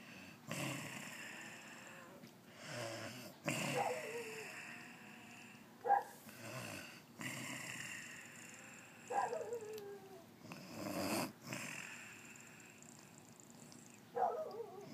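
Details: Adult woman asleep: rough snores on roughly every other breath, about four or five in fifteen seconds, some with a whistling nasal edge; snoring.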